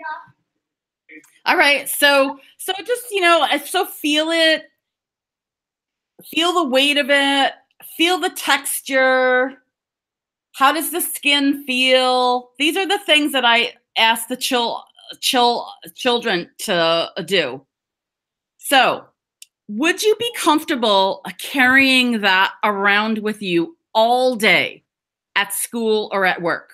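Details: Adult woman who stutters (stammers), speaking English with audible part-word repetitions; stuttering.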